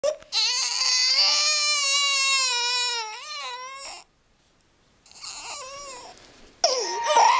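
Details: 4-month-old baby boy crying for no apparent reason (diaper clean, fed), calmed by the Star Wars theme: loud, sustained high-pitched infant wailing, pausing briefly then resuming; ordinary crying.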